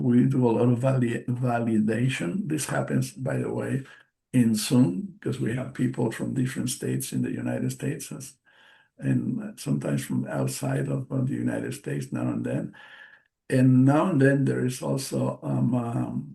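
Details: Aphasia after a stroke in March 2020 in an adult male bilingual speaker, a non-native English speaker.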